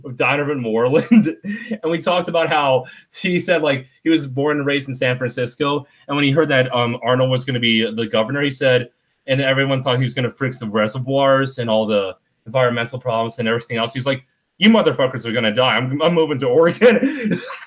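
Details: Adult man; typical speech.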